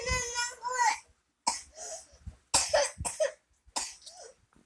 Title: coughing😂